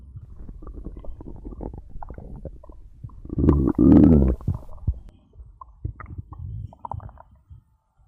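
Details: Own abdomen recorded for ASMR after drinking cola: gurgling, bubbling rumbles with a louder surge in the middle, ordinary stomach growling (borborygmi).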